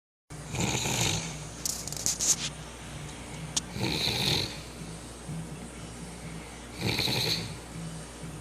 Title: Beer Buzzzzzz snoring. ..